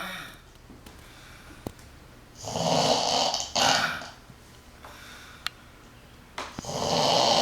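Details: 18-year-old girl sleeping, slightly drunk on her birthday, who regularly snores like a grandpa: loud, rough breathing noises a few seconds apart, typical snoring, in an otherwise quiet room.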